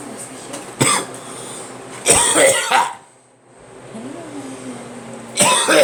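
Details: Cough: three short, harsh bursts separated by quiet pauses, with faint room noise.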